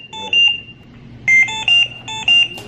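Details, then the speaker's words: Trilogy home ventilator during caregiver training, circuit deliberately disconnected: loud repeating bursts of high-pitched beeps, low pressure alarm signalling circuit disconnect. "Okay, basically, low pressure is a disconnect. High pressure means he's got a lot of secretions, or he's got a plug."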